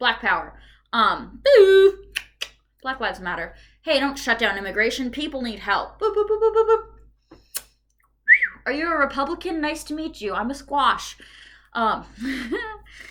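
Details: Adult woman with Tourette syndrome and coprolalia, with uncontrollable repeated phrases, sounds and shouts, and tics worse during a medication change; vocal tics.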